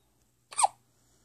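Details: Hiccup: a single short, sharp, squeaky gulp against a quiet room.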